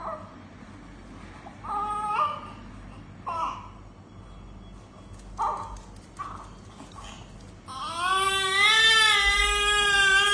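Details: Short, weak whimpers and grunts in a noisy room, then a strong, full cry from a newborn with a breathing problem after birth, in special care.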